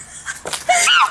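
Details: A child's single sneeze: a quick, noisy catch of breath, then a loud, squeaky, high-pitched burst.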